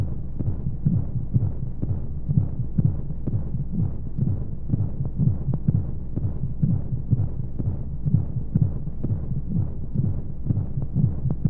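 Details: Womb sound played as a baby sleep aid: steady, muffled whooshing beats at about 125 per minute with regular rhythm over constant low rushing white noise and flowing sounds; heartbeat.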